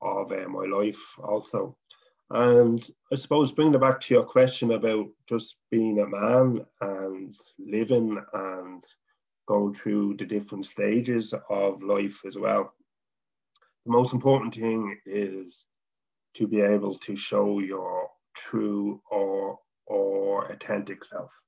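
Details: Adult man from Dublin, Ireland, a person who stutters and a former chairman of a stammering association: stuttering.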